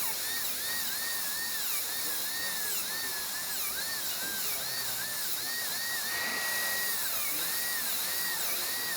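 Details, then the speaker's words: High-pitched whine of a dental high-speed handpiece with a 1557 carbide bur, pitch dipping and rising in short strokes while cutting facial guide cuts on tooth #9 on a training model, all-ceramic crown prep gross reduction. "that turbine almost sounds like it's starting to go on this hand"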